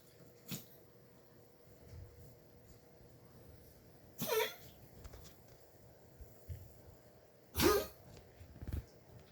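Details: Cat coughing, recorded June 1, 2021 at 8:08 am: a few short, harsh, dry coughing bursts separated by quiet pauses, with faint room noise.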